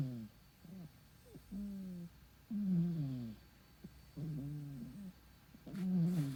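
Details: Sleeping cat snoring: soft, squeaky, whistling snores repeating with each breath.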